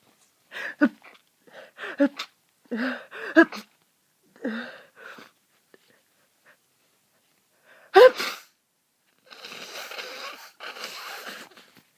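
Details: A sneezing fit in a person bedridden for days with a bad cold: about seven or eight sharp sneezes in rapid succession, with quieter breathing noise at the end.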